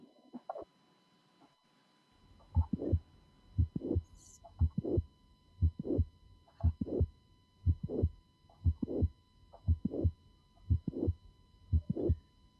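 Regular heartbeat at about 59 a minute, each beat with a first sound, a mid-systolic click and a brief late murmur before the second sound: mitral valve prolapse.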